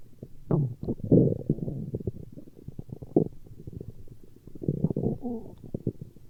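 Continuous low gurgles, rumbles and short squeaky bubbling sounds; ordinary stomach growling.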